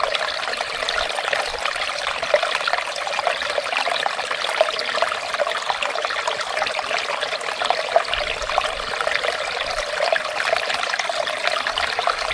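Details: Ear wax removal in a clinic using a microscope: steady rushing, trickling water noise throughout as the ear is irrigated to remove wax.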